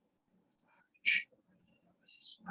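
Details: 75-year-old man with long-standing, gradually worsening voice problems from vocal fold atrophy with bilateral sulcus vocalis and a large glottal gap; prefers to whisper; whispered breathy voice (vocal fold atrophy).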